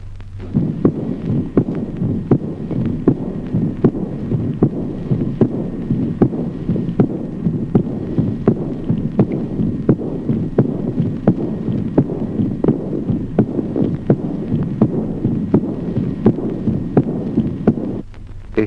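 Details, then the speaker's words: Accentuated second heart sound in aortic insufficiency: regular heartbeat near 85 a minute, a clear, loud second sound immediately followed by a soft flowing diastolic murmur. "Acentuación del segundo ruido en la insuficiencia órtica. Al segundo ruido claro y reforzado sigue de inmediato un soplo diastólico de timbre fluyente."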